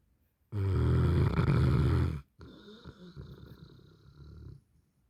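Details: Napping Neapolitan Mastiff: a loud, deep, rattling snore, then a softer fluttering breath out. Snoring in a sleeping large dog.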